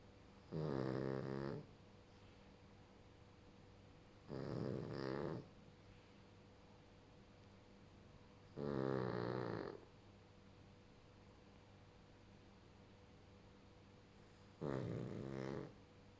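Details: Sleeping pug gives four slow, rattling snores about every four seconds, each lasting about a second, with quiet room noise between: dog snoring.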